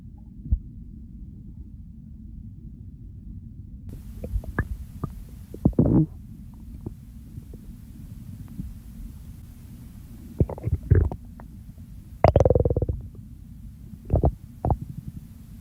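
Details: Hunger segment of a recording that follows the stomach from hunger to overfull and bloating: a quiet low hum broken by scattered gurgles and short rumbling bursts, ordinary hunger bowel sounds.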